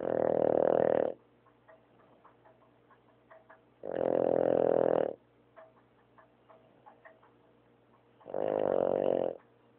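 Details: Pet dog snoring while asleep: three loud, drawn-out rattling inhalations a few seconds apart, with quiet pauses between.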